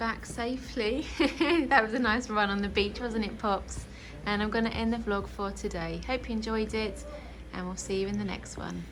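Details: Adult woman; normal speech.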